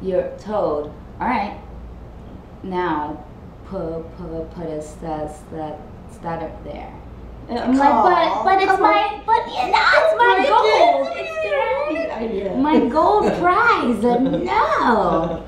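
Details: Adult female host who stutters, in conversation with her speech pathologist about voluntary stuttering; part-word repetitions; stuttering.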